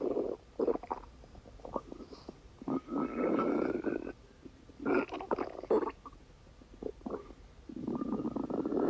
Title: stomach rumbling 4